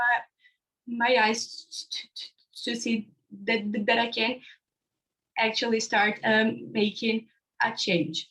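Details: Young man from India who stutters, describing his own stammering on a live panel of young people who stutter; stuttering.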